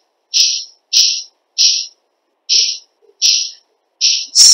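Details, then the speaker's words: Six short, sharp, hissing clicks about every 0.6 seconds from a small child with a normal eardrum on otoendoscopy; objective tinnitus from tensor tympani middle ear myoclonus. "Well, I have an objective tinnitus also for you. Now please listen to the quality of the tinnitus, and this usually with tensor."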